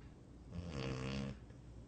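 One low, rattling, buzzing breath sound, typical of a dog snoring in a quiet room.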